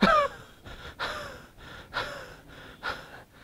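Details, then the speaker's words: Imitated cough demonstration: a cough burst followed by noisy, wheezy breaths, mimicking a cough that precedes an asthma attack, described as linked to the homeopathic remedy Cassia sophera. "c a SS I a is CIA and in CIA one of the very interesting thing is is the cuff always ceeds the asthma"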